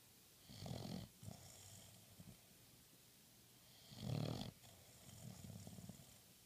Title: snoring